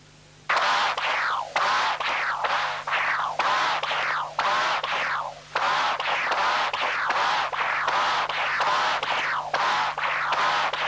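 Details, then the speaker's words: Continuous-wave Doppler near the sewing ring of a prosthetic mitral valve: rapid, buzzy, musical whines with each beat, from vibrations in the systolic envelope of the regurgitant jet. This angry bee murmur comes from a torn prosthetic cusp, confirmed intraoperatively. "listen again to the angry bee murmur that is typical for a torn"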